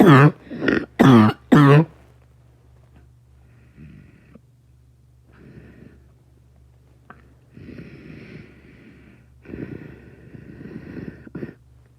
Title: Another cough